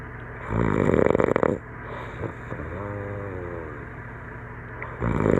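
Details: Adult asleep after a campfire and some beers, filmed by a friend, snoring: harsh fluttering inspiratory snores with a softer groaning sound between them; likened to a tree frog.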